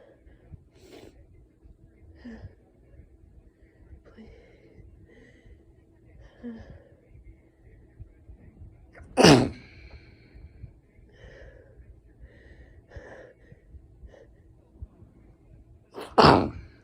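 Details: Two loud, sharp sneezes several seconds apart in a quiet room, from someone described as very snotty.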